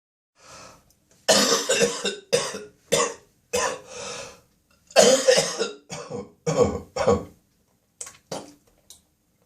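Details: Adult's early-morning coughing spasm in a small echoing bathroom: a run of harsh, wet coughs, repeated throat clearing, then short spitting sounds; productive cough with throat clearing, nose blowing also reported.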